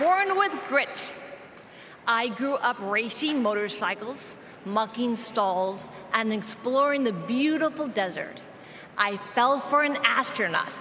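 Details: Adult woman, former congresswoman shot in the head in a 2011 mass shooting, who still has aphasia affecting her speech, giving a convention speech; aphasia after gunshot brain injury.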